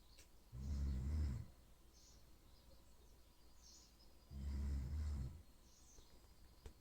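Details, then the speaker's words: Mother snoring again: two loud, low, rattling snores on breathing in, about four seconds apart, with quiet between them; ordinary snoring. "Now she'll tell you that she don't snore. Let's find out."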